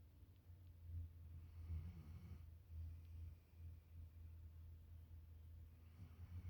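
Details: Low, rumbling, steady, rhythmic snoring with each breath from a sleeping male Boxer dog on a bed, with faint room noise; snoring.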